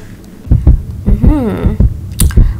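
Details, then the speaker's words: Regular low heartbeat thumps with a sliding hum over them, heard through a stethoscope in a staged doll comedy sketch, not a real patient; the pretend doctor says the heart sounds stable and strong. "your heart sounds very stable and strong i don't hear any problem"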